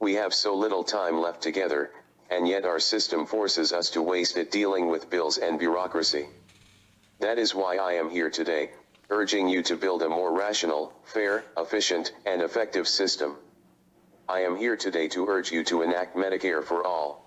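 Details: Adult man with ALS diagnosed about three years earlier who has lost the ability to speak, testifying through a computer-generated voice; synthesized speech from a speech-generating device (ALS).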